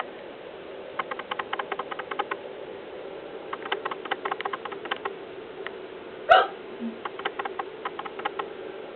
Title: Indoor stars with hiccups